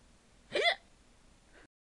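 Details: A mother makes a single short, sharp voiced hiccup-like gulp in a quiet room, a deliberately faked hiccup, making her young son laugh.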